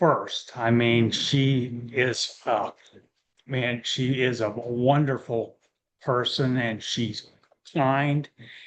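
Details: Real adult male with aphasia following a stroke; early after onset he could not speak at all; aphasia.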